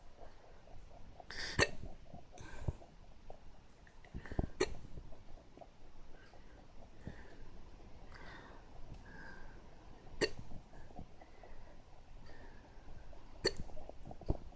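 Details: Repeated short, abrupt hiccup sounds at irregular intervals, about six to eight in fifteen seconds, over a quiet room background: hiccups, occurring again.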